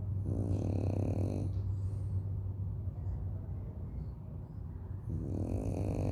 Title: Listen blu's snore! #dogs #shorts #snore